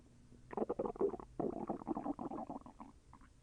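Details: Stomach sounds during digestion, with intestinal movement felt as slightly painful: quick bubbling, gurgling rumbles lasting a few seconds; bowel sounds (borborygmi).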